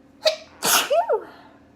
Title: sneezing again (shorter one)